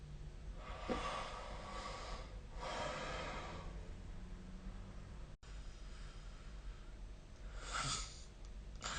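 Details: Snoring during sleep recorded with the SnoreLab smartphone app: two harsh, rattling breaths then a short snort over a steady low hum.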